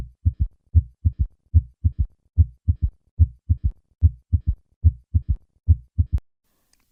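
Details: Educational recording: low heart sounds in a three-beat galloping rhythm at about 72 beats a minute, with an extra sound after the second; a third heart sound revealed from a summation gallop.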